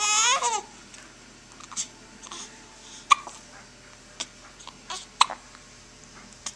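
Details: Baby babbling at first, then about nine short, sharp, irregularly spaced hiccups in a quiet room, recorded with a Flip Video camcorder; infant hiccups.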